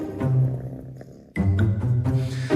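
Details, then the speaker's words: Cat purring: a steady, low rumbling purr with a brief break, over faint background music. "Ternyata suara dengkuran itu bukan cuma tanda kucing bahagia loh. Saat kucing menengkur, [musik] otot-otot di tenggorokannya bergetar dengan cepat sekitar 25 sampai 150 kali per detik."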